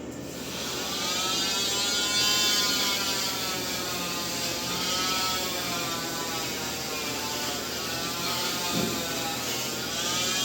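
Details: Cast removal one month after a wrist fracture: steady high-pitched whine with a gritty buzz as an oscillating cast saw grinds through hard cast material.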